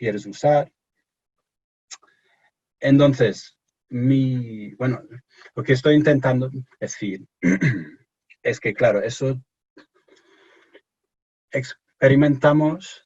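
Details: Stuttering in an adult English-born man speaking Spanish as a second language, who reports anxiety and pressure when speaking.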